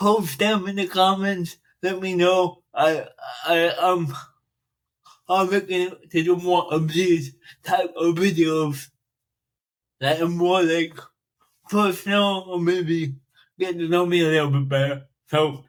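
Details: Dysarthria in a 42-year-old man with cerebral palsy since birth, which he says affects his speech; he makes an extra effort to enunciate and speak louder and more slowly for recordings.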